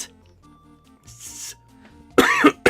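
Soft game music plays, then a single short, harsh adult cough with throat clearing comes at the end: an ordinary isolated cough.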